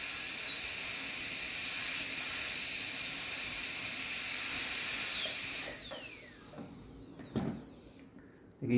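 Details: High-speed dental handpiece during anterior PFM crown preparation after basic reduction, as the margin is made: high-pitched whine rising and falling with load, winding down with suction noise.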